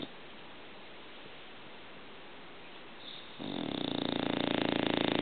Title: ENGLISH BULLDOG ANGUS SNORING